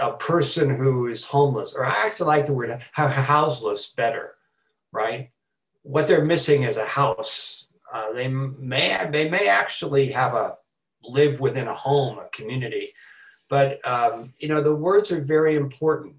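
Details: Adult man who has stuttered since about age four, with repetitions, fillers and blocks: stuttering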